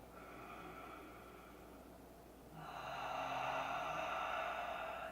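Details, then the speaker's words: A cat snoring loudly in the corner of a quiet room during a yoga session: rough, snorting breath noise over a steady background hum. "you hear snoring it's because my cat is literally in the corner snoring so loud so if you hear it it's are from here"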